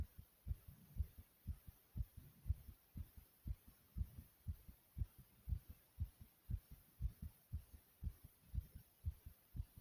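Fast, regular paired heart thumps at about 120 beats a minute after exercise, a normal response to exertion.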